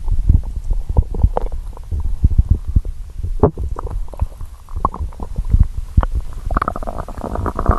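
Deep, continuous bubbling and popping rumbles from the belly, ending in a longer growl. Normal hunger stomach growling.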